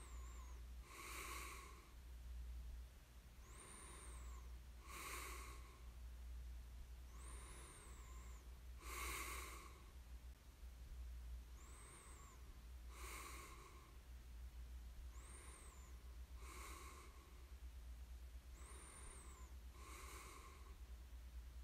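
Quiet, regular breathing in sleep with soft snorting and whistling noises about every two seconds, light snoring over a low steady hum.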